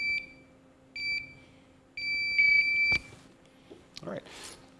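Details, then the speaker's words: LVAD controller shutdown countdown: after switching to the backup controller with two power sources attached, the battery button on the unneeded controller is pushed and held; three high beeps about a second apart, the last held longer, then a click as it switches off. "if you just push and hold the battery button you can see it starts to count down"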